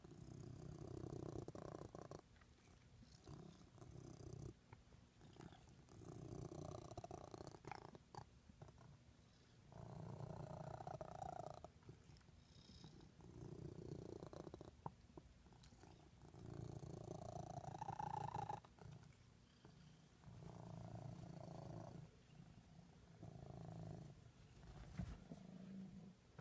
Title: Cute Cat hiccups when purring!